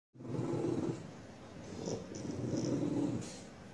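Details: Seven-year-old bulldog at home with a gecko sitting on his nose, trying to growl: two long, low, rumbling breaths with a rough fluttering quality, noisy snoring-like breathing in a flat-faced dog.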